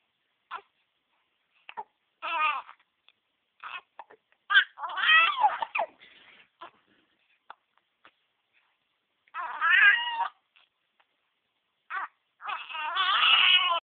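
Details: An infant nephew's short, abrupt hiccups recur between bursts of fussy, upset crying.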